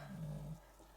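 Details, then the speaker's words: A single low, rumbling snore lasting about half a second from a sleeping pet dog that usually snores in the room, then fading into quiet room noise. "now if you can hear snoring um it is the usual sound off lady when she is in here with me so i do apologize"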